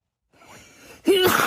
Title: A few chhinkni sneezes (F)